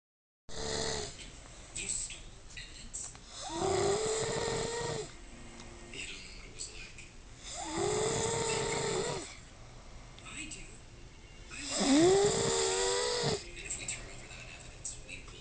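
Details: Man snoring in sleep, recorded on an Android phone: three loud, throaty snores about four seconds apart, roughly 15 breaths a minute, with quieter breathing between.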